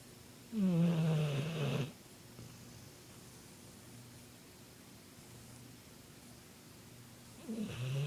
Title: Bullmastiff snoring